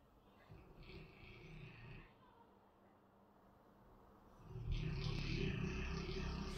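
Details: Dogue de Bordeaux snoring while asleep: low, rattling, grunting breaths, a softer one followed by a louder drawn-out snore.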